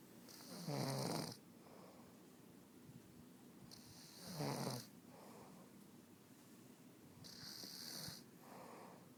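Rhythmic rattling snores about three times in nine seconds, each loud harsh inhalation followed by quieter exhalation, in a quiet room; ordinary snoring.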